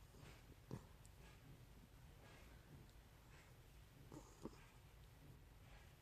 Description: I caught my miniature schnauzer Gracie snoring up a storm this afternoon, so cute.